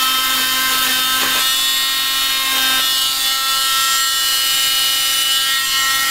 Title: cast removal bilateral fibular fractures